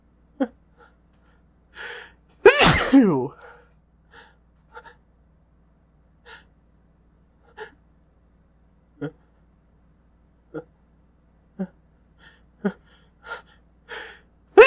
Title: More successful induced sneezes